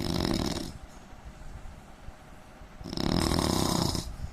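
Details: Adult Indian man snoring: two loud, harsh, rattling inspiratory snores with a quieter breath out between them; heavy snoring.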